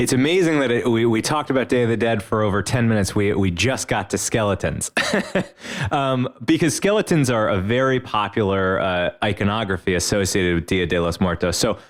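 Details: Adult male speaker; ordinary speech.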